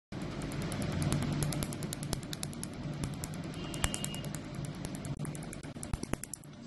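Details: Tattoo removal laser at a dermatology clinic, firing in rapid sharp snapping pops, about three or four a second, over a steady hum.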